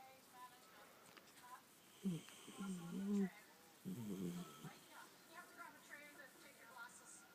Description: Lil pup snoring away :')